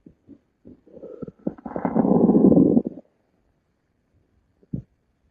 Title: Stomach growl